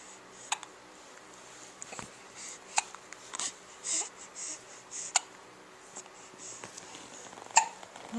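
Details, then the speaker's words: Infant finding its voice and making new sounds, with four sharp, brief hiccup bursts at about 30 a minute over soft room noise; infant hiccups. "Can you make some more noise? Are you getting upset with your hiccups? Yeah?"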